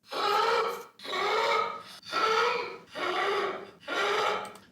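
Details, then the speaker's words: Harsh, high-pitched crowing noise on both inspiration and expiration during sleep: nocturnal stridor, distinct from simple snoring, linked to multiple system atrophy and sudden death risk; urgent hospital visit advised. "이런 소리는 만약에 듣게 되시면 빨리 병원에 오셔야 됩니다. 이게 단순 코골이하고는 다른 수면 중에 나타나는 소리로 약간 천명이라고 합니다."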